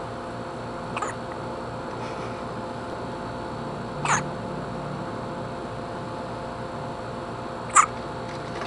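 Three brief, sharp, abrupt sounds a few seconds apart over steady background hiss, consistent with hiccups.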